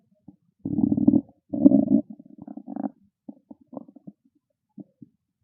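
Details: Loud gurgling, rumbling stomach growls in bursts, then small squelches: ordinary hunger-related stomach growling, borborygmi.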